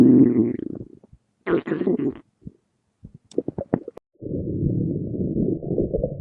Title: Fat animals stomach growling compilation #1